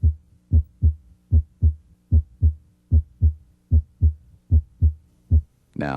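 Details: Normal heart sounds on a clinical cardiac exam, stethoscope moved along the left sternal border to the apex.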